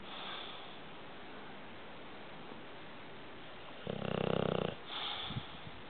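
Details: A sleeping dog's "light" snore: a single rough, rattling snore about a second long over steady room hiss, with added background audio; he sleeps through anything. Snoring.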